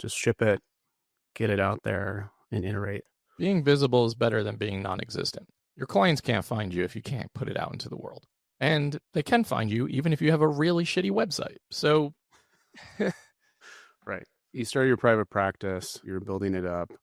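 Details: Adult male with unilateral vocal fold paralysis after open throat surgery for a rare chronic recurring throat condition (endoscopic surgery 2021, recurred within 4 months); voice improved but still has vocal fry and gives out for the day once tired.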